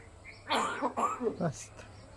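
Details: A hill myna mimics its owner's human cough with a few short, throaty cough-like bursts in quick succession.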